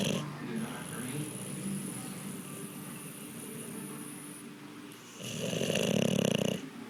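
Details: Low rattling breathing noises with a louder rough snore near the end, from a sleeping Boxer dog: snoring.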